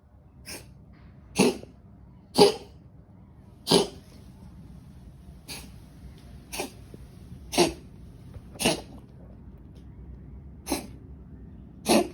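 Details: Cat with suspected hairball coughing: about ten short, sharp, dry coughs spaced roughly a second apart.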